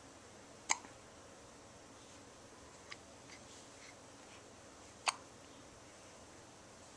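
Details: Two-week-old newborn with hiccups: two short, sharp catches of breath several seconds apart in a quiet room.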